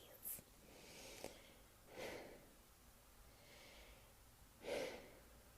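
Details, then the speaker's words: A run of three or four quick, breathy sneezes with sharp inhales between them, triggered by dust while moving things around in a laundry room; the sneezer says they really hurt. "moving things around makes me sneeze all the dust that's up in this laundry room is making me sneeze"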